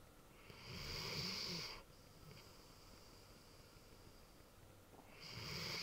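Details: Snoring in a large Ridgeback dog: soft snoring breaths with a whistling, wheezy edge, separated by a few seconds of quiet in a small room.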